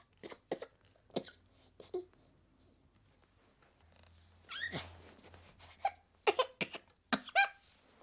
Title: 7 month old baby girl, feeling unwell, with coughing